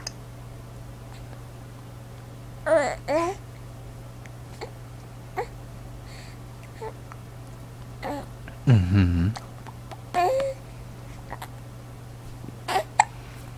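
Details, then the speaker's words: Infant hiccups starting right after burping: soft, abrupt little catches amid infant babbling over steady room hum. "all right oh now we got the hiccups oh this is not a good time for an interview"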